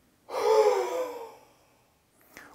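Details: One forceful, open-mouthed breathy exhalation lasting about a second, fading out: a huff cough done sitting up after chest percussion, a forced expiration used to move mucus up the airways.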